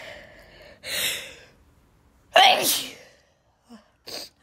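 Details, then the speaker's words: Adult with a dust allergy, recently hospitalized a week for stomach issues and now feeling better, gives an audible in-breath, then a loud voiced sneeze followed by faint breaths after cleaning; sneezing. "So yeah, so now I feel better. I just can't stop sneezing."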